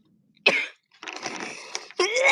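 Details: Violent coughing fit after nearly throwing up and feeling like choking: harsh, forceful coughs with strained, rough exhalation and a wheezy, squeaky edge between efforts.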